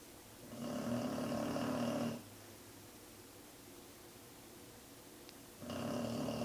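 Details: Snoring loudly, enough to make a desk and floor vibrate.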